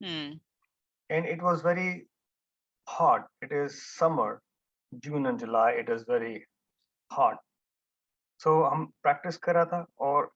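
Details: Man who had a stroke with hemorrhage and coma at about age 50, was almost mute for about 1.5 years and had daily speech therapy; speech is still effortful and broken. Finding: aphasia after stroke.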